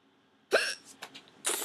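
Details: A sudden voiced hiccup, a few faint after-sounds, then another abrupt hiccup onset; hiccups, which she then thinks are gone.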